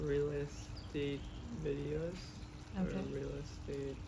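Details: Expressive aphasia with oral apraxia and right-sided paralysis in a man after an unexpected hemorrhagic stroke at age 27, following an intensive speech program.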